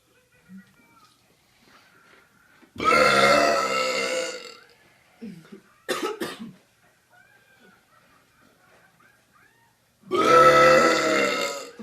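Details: Two long, loud, resonant belches with short throaty sounds between them; deliberate burping reel.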